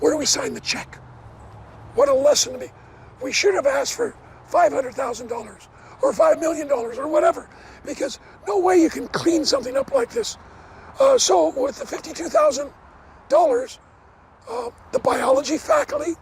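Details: Adult man with dysphonia after partial vocal cord resection: one third of the vocal cords removed in 2008 after two bouts of vocal cord cancer, first diagnosed from hoarseness; he never smoked, and the cancer was probably caused by secondhand smoke.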